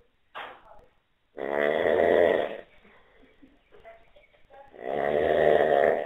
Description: How the hell can you sleep in the same room with someone that's snorring like this?